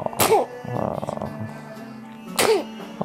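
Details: Sneezing, described as a triple sneeze: two sharp explosive sneezes about two seconds apart, with faint talk and music in the background.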